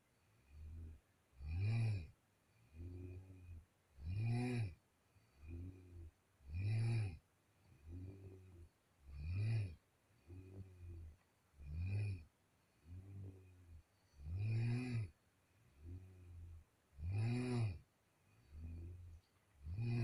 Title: the sound of my sister's snoring in the middle of night 😂 #my secret journal of sound #4